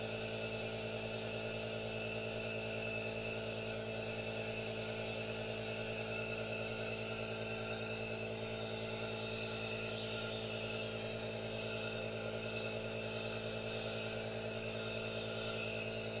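Steady motor hum with an even hiss, unchanging throughout: an aerosol nebulizer running continuously.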